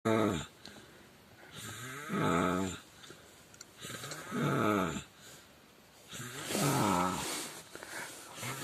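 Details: Stranger snoring while asleep in a car: deep, rumbling snores at a steady pace of roughly 15 a minute, each fading into quieter breathing out.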